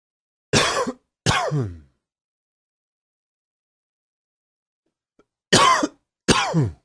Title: Coughing 38